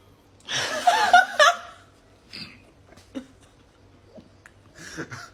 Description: Ranking Top 5 Sprite Challenge burps 😂💨